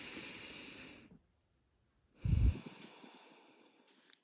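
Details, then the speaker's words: Normal breath sounds on lung auscultation above the clavicle as the patient takes deep breaths in and out: soft, even airflow over the upper chest with no added sounds. "so we're going to start off by telling the patient to take deep breaths in and out as we auscultate."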